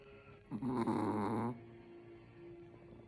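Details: Chihuahua snoring.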